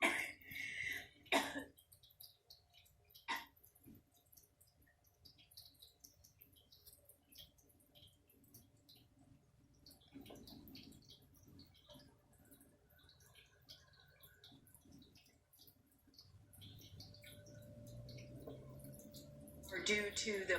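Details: News anchor coughs several times during a broadcast, apologizing between coughs: a few sharp coughs in a quiet room, with a final cough burst at the end.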